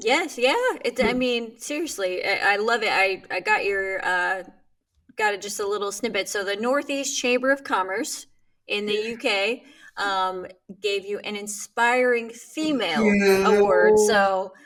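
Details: Adult woman speaking; ordinary speech.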